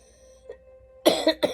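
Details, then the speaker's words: Adult hospice patient with cancer, in bed with knees up and breathing difficulty, gives two short, rough throat clears/coughs; she reports frequent wheezing and throat clearing. "And also, if you ever hear me get up out of bed, it's a lot of wheezing, a lot of clearing my throat."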